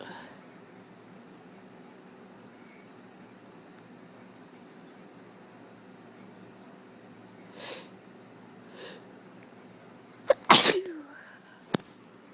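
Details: A person with a cold sneezing in a quiet room: two soft indrawn breaths, then one sharp explosive sneeze and a brief smaller burst; a single ordinary sneeze.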